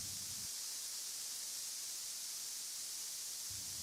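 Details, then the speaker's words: Steady high-pitched hiss of tinnitus masking noise, heard just after the left and right ears are switched on, used to cover the ringing of tinnitus. "After activation of the devices you will start hearing the same noise that you are hearing now."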